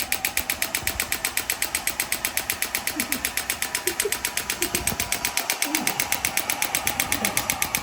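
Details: Shockwave therapy on a patient's foot for plantar fasciitis: rapid, very regular sharp pulses, about four a second, from the device firing during a treatment session; faint voices underneath.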